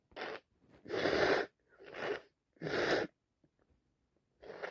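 Repeated breathy sneeze bursts, about four in quick succession, from an adult; allergic sneezing fits.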